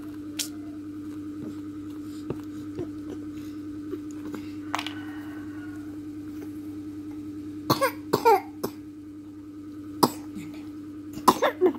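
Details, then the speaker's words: Toddler with cough and cold, sunbathing to recover: a few short coughs, some in a quick cluster, over steady hum and faint background music. "jemur lagi aku biar cepat sehat y batu Dia batu-batuk Dia mama ini sehat ya"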